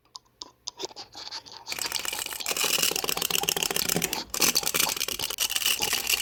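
A few scattered clicks, then continuous gritty scraping and rasping of teeth rubbing together, typical of teeth grinding (bruxism).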